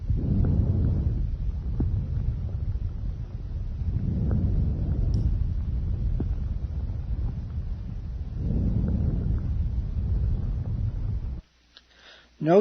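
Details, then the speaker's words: Soft, low-pitched, gentle rustling breath sounds at about 15 breaths a minute: normal vesicular breathing, inspiration longer than expiration, heard over peripheral lung. "relatively soft low-pitched character of normal vesicular breath sounds okay this is a normal physical read sound okay"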